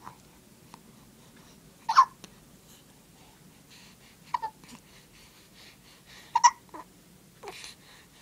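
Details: Baby girl with recurring hiccups, not distressed: four short, sharp voiced gulps a couple of seconds apart, with soft breathing and small sounds between, in a quiet room: hiccups.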